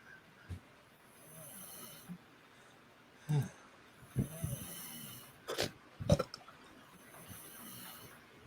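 Soft breathing with several low, rough snorts and snores from a sleeping adult, in a quiet room.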